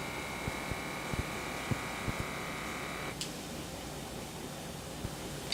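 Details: Steady motor whine of the cuff inflating, cut off by a click as air releases, then quiet hiss: adult man's wrist blood pressure monitor at heart level, resting on table, measuring (result 134/86, pulse 87).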